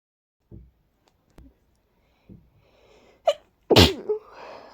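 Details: Short, strong sneezes in a follow-up to an earlier fit of stifled sneezes that became stronger and harder to control: a few quick in-breaths, then two strong, explosive sneezes close together.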